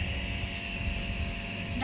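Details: Nebulizer compressor switched on and plugged in before the mask is attached to the patient: a steady droning motor hum as mist starts to come out. Medicines mentioned are a bronchodilator and Pulmicort.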